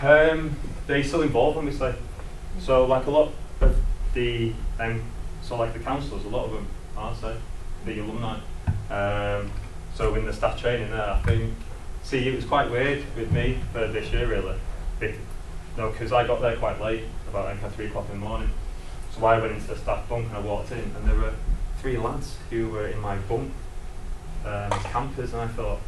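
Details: Adult man who lives with a stammer; stuttering.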